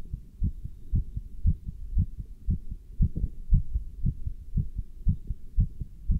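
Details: Dull, regular low thumps at about 115 a minute with some rubbing noise, heard through a stethoscope with a chest band while standing still and lifting dumbbells; normal heart sounds.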